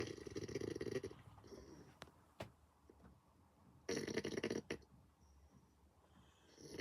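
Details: Caught while trying to record him snoring: two loud rattling snores about three seconds apart, separated by quiet breathing and a few faint clicks; snoring.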